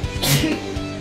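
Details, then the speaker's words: Woman sneezing in the background over steady game music: a single sharp, hissing burst; sneeze. "can hear some sneezing over there again that's my girlfriend bless you"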